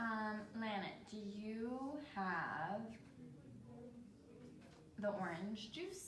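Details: Role-played (acted) patient with Broca's aphasia with word-retrieval difficulty and normal comprehension, two years in therapy, in a constraint-induced language therapy group session; Broca's (non-fluent) aphasia.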